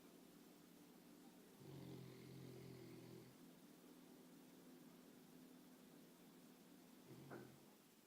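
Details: Snoring: a low rumbling snore in a quiet room, with a brief snort near the end.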